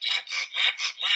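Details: Rapid, repeated high-pitched, harsh whistling noises with each quick breath from a pug with brachycephalic obstructive airway syndrome, consistent with laryngeal stridor.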